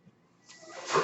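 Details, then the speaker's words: Quiet start, then a loudly swelling airy hiss: the speaker's own mechanical ventilator pushing a breath as he speaks. "noise you're hearing is my ventilator and welcome to page turners they were not my stars broadcasters"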